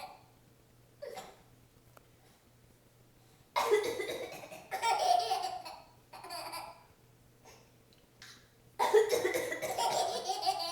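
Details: Several harsh, forceful real coughs from a mother, who has a cough, while changing her infant son, alternating with the baby's bursts of hysterical laughter over faint room hum. Cough.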